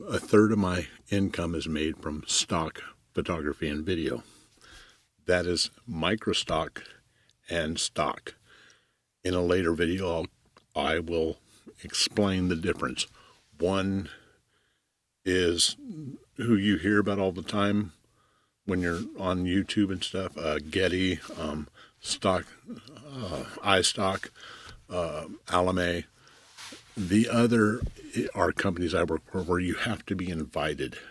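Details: Stuttering in an adult man, self-reported, with pauses and skipped words.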